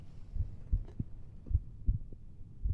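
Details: Normal heart sounds heard with the stethoscope bell at the apex while the patient turns to the left, checking for a mitral stenosis murmur. Soft, regular low heart thumps at about 65 a minute, with no murmur.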